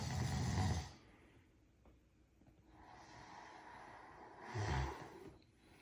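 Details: Snoring: two loud, low, rattling snores on inhaling, separated by a quieter breath out, in a small room.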